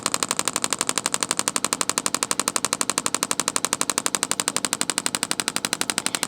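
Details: Intelect RPW 2 radial shockwave device firing rapid, regular sharp tapping pulses, about 4 per second, on a trigger point over the patient's most sensitive muscle spot; the sound is an internal magnet striking metal, not skin tapping.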